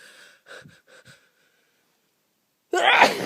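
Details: Sneezing the person says they cannot hold back, with more big sneezes felt coming: a few short catching breaths, a pause, then one loud, forceful sneeze.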